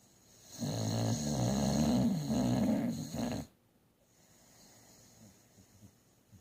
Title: Bubbles Snoring